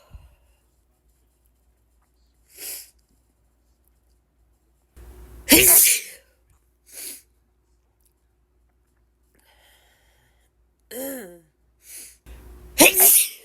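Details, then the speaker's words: Woman with ragweed allergy in an itchy allergy attack: a run of sharp, explosive sneezes, some preceded by a short indrawn breath, repeating over several seconds, a rapid sneezing fit she cannot stop. "hey oh my gosh such a Sneezy day today guys I seriously cannot stop sneezing"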